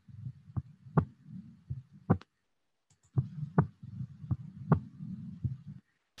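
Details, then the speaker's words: Simulated virtual COVID-19 patient case using recorded heart sounds, with breathing audible behind: steady paired heart sounds at about 55 a minute, judged normal. "what did we hear here sounds normal yeah i think"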